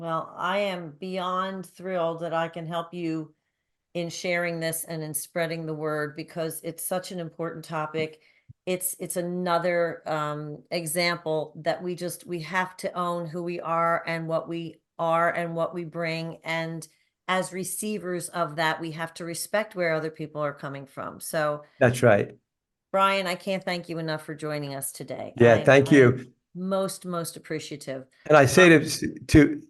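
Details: Adult woman speaking, brief reply from a man; ordinary conversational speech.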